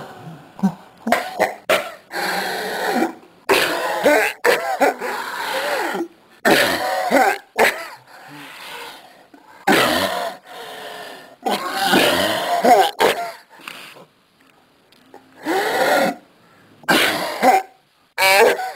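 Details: Repeated hard, harsh coughs in bursts, with throat clearing and brief gasping pauses: coughing fit.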